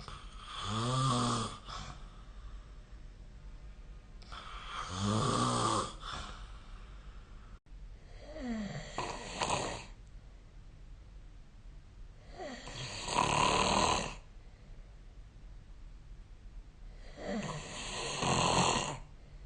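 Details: Snoring during sleep recorded with the SnoreLab phone app: loud, rattling snores with each breath, about 14 a minute, in a quiet room.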